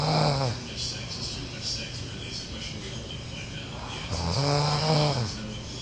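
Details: Snoring from a sleeping uncle.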